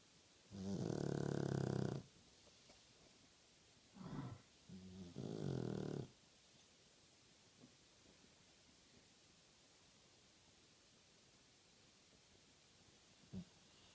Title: French bull dog snoring!